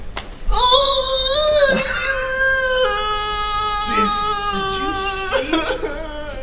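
Sustained high-pitched infant crying with whimpering breaks, over light background music; an ordinary baby cry.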